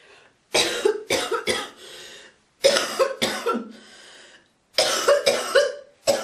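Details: Girl coughing, hawking and spitting: three bouts of repeated harsh coughs, each followed by a drawn-out rasping throat clear; cough and throat clearing.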